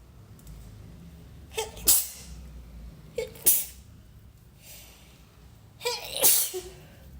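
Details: Induced sneezes: three sneezes in about seven seconds, each with a quick catch of breath before the burst.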